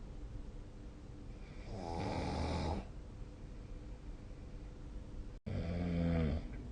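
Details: Snoring during sleep, recorded with a snoring-tracking app: two low, rattling snores on the breath in against a steady room hiss.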